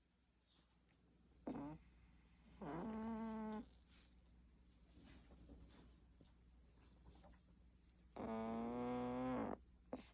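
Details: A Shih Tzu, a small flat-faced dog, snores with two long, tonal, whistling-groaning breath sounds about five seconds apart over quiet room hum.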